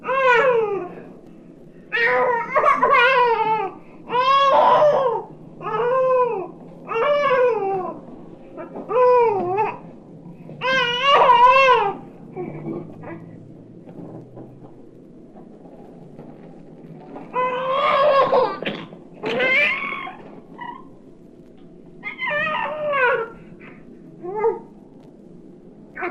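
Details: A young infant makes repeated cooing, squealing and babbling sounds with varied pitch and short pauses; normal early vocal play, infant cooing and babbling.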